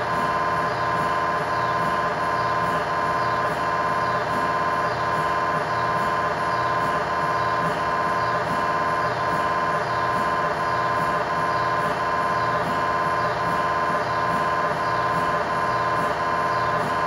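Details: MRI scanner acoustic noise inside the scan room during a tibia/fibula (lower-leg) test scan with a GE high-definition lower-extremity coil, in a controlled environment: a loud, steady buzzing hum with regular pulsing, about 86 pulses per minute.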